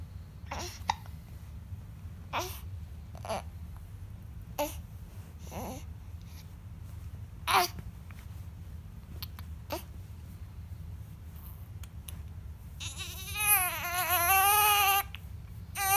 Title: four week old baby hiccups 👶